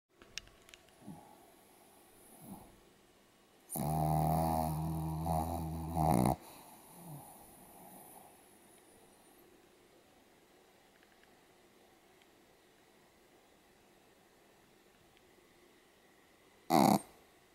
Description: ●ポメラニアン Pomeranian サムちゃんのいびき 豪快すぎ